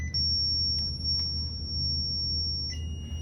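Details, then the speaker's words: Zoll monitor in a code blue training demonstration, dial turned to defib charge for ventricular fibrillation before a shock: steady high-pitched defibrillator charging tone with brief chirps over room hum. "but if we were to find a person in ventricular fibrillation we would immediately want to turn the dial to defib charge"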